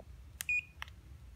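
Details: Two short button clicks around a single high electronic beep as the intensity of a handheld 12-point semiconductor laser therapy device (wristwatch-style, with nasal mode) is set, with faint room hum.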